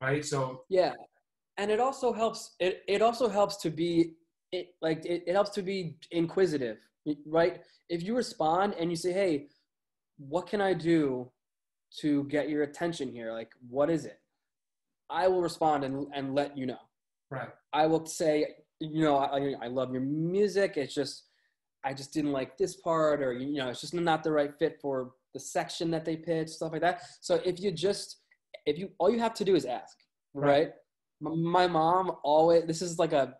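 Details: Adult man with a stutter he has had his entire life, audible in his speech; stuttering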